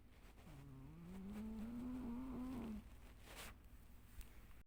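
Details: Light snoring in a sleeping cat, low-quality recording: one long, rising, whistling breath sound with a faint rattle, then quiet.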